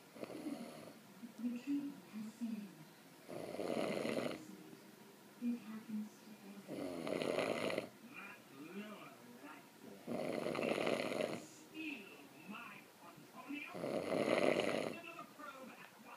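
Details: Adult recording own snoring, described as mild: rough buzzing snores about every three and a half seconds, roughly 17 breaths a minute, quieter breathing between; snoring.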